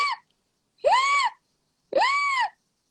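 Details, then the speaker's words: Adult imitating a child's viral croup after about 3 days of mild upper respiratory symptoms and low fever: high-pitched, crowing inspiratory stridor. "o que a gente tem de mais comum é o crupe viral certo que é aquela criança que tá razoavelmente bem teve se teve febre foi uma febre baixa"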